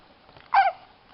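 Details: Newborn boy in hospital with hiccups that won't go away, not upset by them: a single short, high, squeaky catch of breath in a quiet room.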